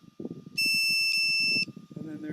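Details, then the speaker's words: Powered air-purifying respirator (PAPR) clogged-filter alarm in a hospital demonstration by an orthopedic nurse: loud, steady, high-pitched tone about a second long over background music, signalling a clogged filter. "at the point you start hearing the alarm going off meaning your filter is clogged you need to get out of the room right away"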